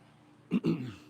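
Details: Recorded during an equine chiropractic neck-rotation check on a barrel horse: a brief two-part throat-clearing sound, a short rough burst followed by a voiced rumble, in a quiet setting.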